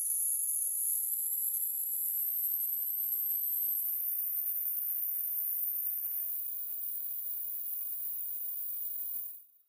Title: Hearing test online | Find your hearing level with this video #hearingaid #hearingdevices